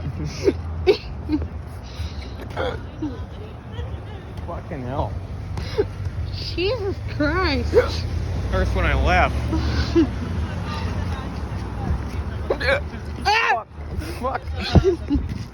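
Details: Loud, squeaky voiced hiccups, repeated sudden gulps, from an adult man after drinking quite a bit, over low car rumble; laughing hurt.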